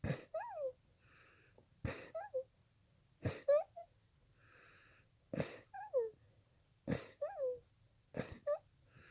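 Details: Six sharp explosive sneezes in quick succession, each followed by a brief high-pitched squeak or sigh: a bout of repeated sneezing.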